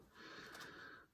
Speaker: uh if you can hear snoring that's my dog by the way